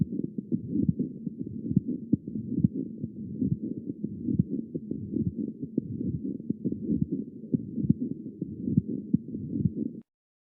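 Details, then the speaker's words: Pericardial friction rub, a scratchy, creaking sound over a heartbeat of about 68 per minute, which developed a couple of days into hospitalization in a man with mitral valve endocarditis. "yeah exactly this is a pericardial friction rub and i'll play it again"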